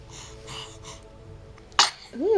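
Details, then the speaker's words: A single sharp, explosive sneeze on waking in the morning, in a quiet room, followed by a voice remarking that the sneezes usually come in pairs; sneezing. "you just one sneeze they usually come in pairs"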